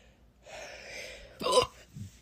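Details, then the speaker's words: Young female with her fourth bout of hiccups today, which her doctor attributed to an unusually developed diaphragm and expected to stop after puberty: a soft breathy intake, then one abrupt voiced hiccup with a sharp onset. "you know this is the fourth time I've had hiccups today and I'm crying about it because it's not that fun"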